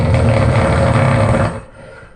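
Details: Man snoring very loudly again in his sleep: one long, loud, rough low rumble on a breath, fading out; heavy snoring.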